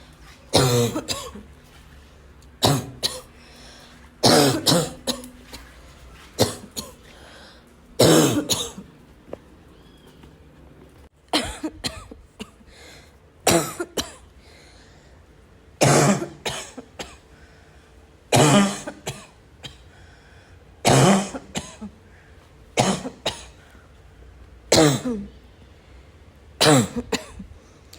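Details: Repeated harsh, barking coughs in short bursts every few seconds, with a faint whistling wheeze between some coughs: barking cough with wheeze.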